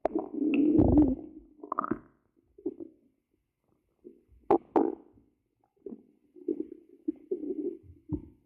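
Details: Hungry stomach growling, ASMR recording: low gurgling rumbles and squelches in bursts with quiet gaps.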